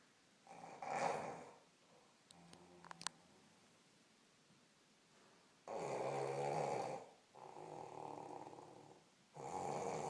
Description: My mom snoring